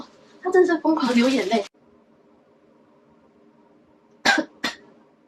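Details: Sneezing set off by a COVID-19 nasal swab test: a voiced, throaty burst then two sharp explosive sneezes in quiet room noise, the person sneezing uncontrollably.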